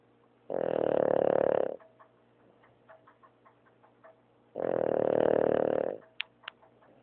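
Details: Two loud buzzing snores about four seconds apart in a quiet room, with clicks and smacking between; heavy snoring in a sleeping dog.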